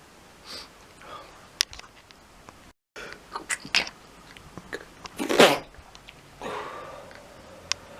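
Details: Repeated sneezing that can't be stopped, at 1:15 in the morning: one loud explosive sneeze burst followed by a quieter noisy sound, with faint background noise and clicks.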